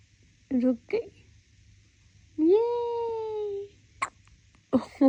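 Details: Short, sharp hiccups from a newborn, with the mother's long, steady whistle between them; ordinary infant hiccups.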